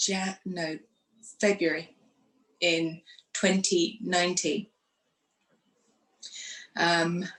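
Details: Woman who had a stroke after surgery in 2018, aged 44, lost her speech, and now lives with post-stroke aphasia.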